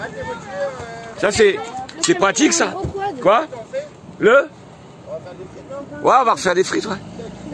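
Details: Adult speakers in casual French conversation; ordinary speech.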